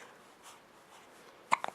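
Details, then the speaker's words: A 5-week-3-day-old baby girl in a quiet room gives a short burst of abrupt little hiccup sounds close together: infant hiccups. "oh now you got the hangups hi pretty girl"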